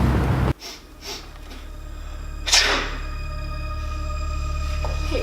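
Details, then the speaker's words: A single acted sneeze muffled into the elbow over background music, performed in a school film demonstrating the right way to sneeze and stop germs spreading; sneeze. "So now let's sneeze and cough the right way to stop bacteria from spreading. Bless you."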